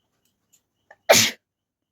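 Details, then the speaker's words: A brief inhaled catch followed by one sharp, explosive sneeze, deliberately induced during a sneezing challenge done without a handkerchief; sneeze. "एक आसानी से हो गया अरे यार ट दो बहुत ही आसानी से हो रहा है आज तीन चार पांच गाइस पांच तो बहुत आसानी से हो गया सच में ये स्विचिंग चैलेंज करने में ना मुझे बहुत बहुत मजा आता है यार"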